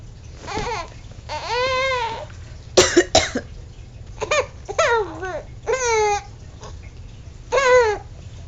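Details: Two sharp, deliberate adult coughs in quick succession, surrounded by an infant's bursts of squealing laughter in a quiet room; a plain cough.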